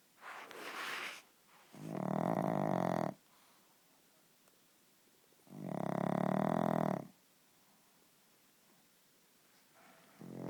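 Loud, harsh, rattling snores on each breath in, about three in ten seconds, with quiet pauses between: snoring from a flat-faced dog.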